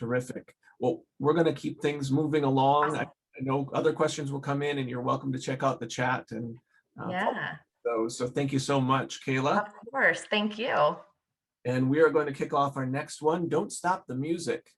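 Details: Adult speaker; normal speech.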